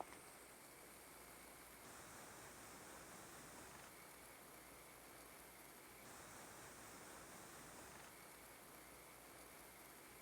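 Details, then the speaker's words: Fisher & Paykel Solo nasal pillow CPAP mask at a CPAP pressure of 13, with no breathing: a steady, soft, fairly quiet airy hiss of normal mask venting. "Let's go ahead and contrast that sound, that hissing sound, with this. Again, I'm not going to breathe, just a hissing sound."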